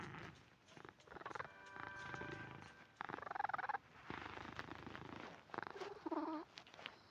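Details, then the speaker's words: A pet cat lying nearby snores softly and rhythmically as it rests, heard under game music and chime sounds. "jak słyszycie takie chrapanie w tle no to to znaczy że to jest mój kot szybie tutaj leż"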